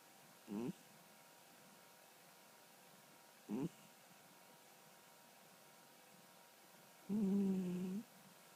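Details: Sleeping cat snoring: three soft, short, low snoring sounds, the last one longer, in a quiet room.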